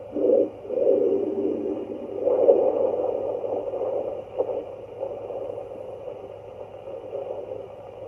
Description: A Doppler was designed to amplify EVERY and ALL sound coming from within the body.